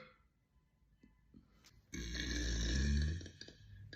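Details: A single loud, drawn-out low belch lasting over a second from a girl, with quiet room sound before and after; burping.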